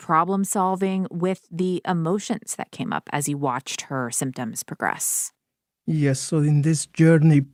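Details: Adult speaker; Normal speech.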